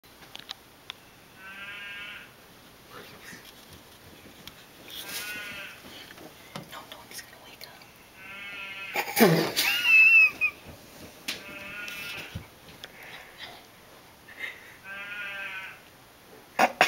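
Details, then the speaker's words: Repeated buzzy, bleat-like, sheep-like vibrating snores on each breath, about every three to four seconds, with a brief louder noise midway, from an adult man (father) sleeping; loud snoring. "Daddy, you're snoring, man. Too much."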